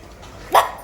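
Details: Barking-like vocalisation from laryngeal spasm/dystonia in a boy with rabies after a dog bite; he died 48 hours later.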